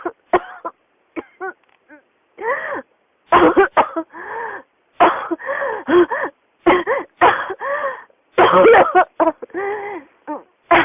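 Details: Persistent cough with pneumonia: repeated coughs and throat-clearing with strained, wheezy breaths between them, a cough that keeps returning.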